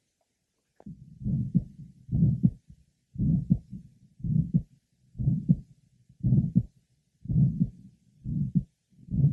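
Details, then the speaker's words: Aortic stenosis heard over the aortic area, pulmonic area, left sternal border and apex; the aortic events are well heard at the apex, with an ejection sound and a third sound in addition to the systolic murmur. "our next patient with aoic stenosis shows the aoic events well heard at the Apex"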